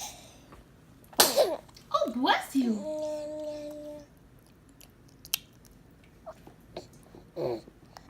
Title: Eating Some Eggs (and Sneezing): 1-1-2019